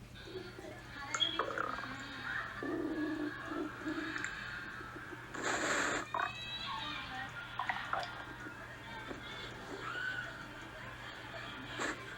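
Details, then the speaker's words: Woman after gastric bypass (surgery 08/01/2016), recorded pouch and belly noises: irregular gurgles, squeaks and bubbling rumbles. She says it feels like the onset of diarrhea and happens after eating or drinking; bowel sounds (borborygmi). "those are the beautiful sounds of my pouch and it's the weirdest feeling ever like this is gonna sound gross but like when you're about to get diarrhea and your belly starts to go"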